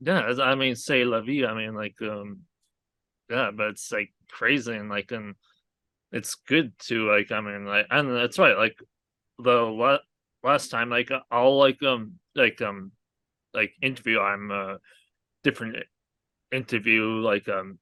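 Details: Aphasia in an adult man, a real stroke survivor, caused by a hemorrhagic stroke from an arteriovenous malformation at age 20; a guest says his speech has improved greatly over the past three years.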